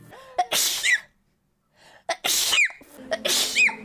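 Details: Three quick high-pitched sneezes, each preceded by a short breathy intake and ending in a squeaky voiced sound, from a streamer's sneezing compilation recorded 2021–2025.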